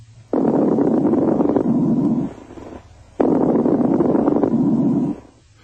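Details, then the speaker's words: Lung auscultation with a stethoscope: two breaths with loud, low-pitched, intermittent, non-musical popping crackles through each cycle, indicating coarse crackles. "crackles are intermittent non-musical and brief like dots in time"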